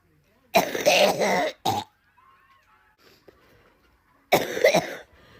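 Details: Two loud, harsh cough bursts, the first followed by a brief second cough, with quiet room sound between them; cough.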